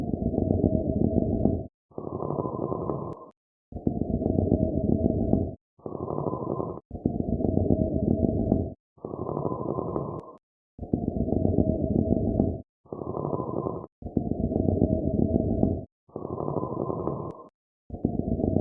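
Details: High-pitched wheeze, an adventitious breath sound, from a lung-sound audio set for nursing review.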